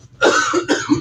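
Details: Cough.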